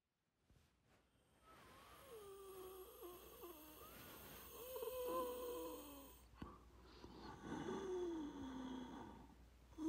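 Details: Simulated, acted wheezing recorded as a sound effect, not a patient: breathing with high whistling, musical tones drawn out through each breath; imitation wheeze.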